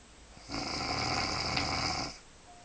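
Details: Woman snoring in bed at night: a single long, harsh, rasping inspiratory snore lasting about one and a half seconds.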